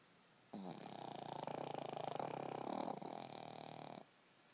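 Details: Snoring in a sleeping, dreaming Boston terrier: one drawn-out, rattling sleep breath of about three and a half seconds with a fluttering vibration.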